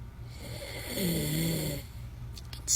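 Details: A man, recorded from the side view by his wife, snores loudly: a long, deep, rattling, vibrating snore on the in-breath over a low steady room hum.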